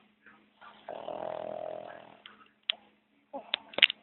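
A single buzzing, rattly snore on one breath is followed by soft clicks and rustling. Sleep snoring.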